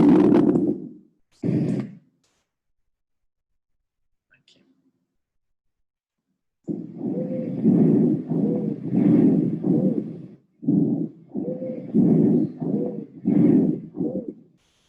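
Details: Paediatric recording: rapid breath sounds carrying a musical, whistling tone through the cycles; wheezing from narrowed airways.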